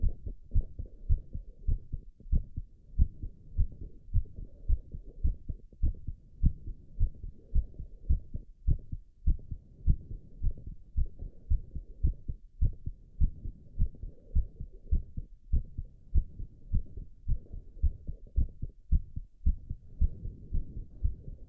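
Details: Adult male recovering after squats: rapid, steady heartbeat around 107 beats a minute with heavy breathing; exercise-induced sinus tachycardia.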